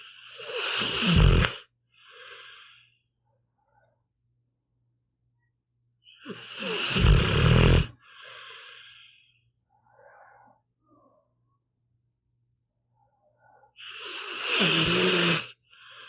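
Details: Sleeping pit bull dog, audio only: loud, rough snores in slow cycles, about nine a minute, each followed by a softer snuffly exhale; ordinary snoring.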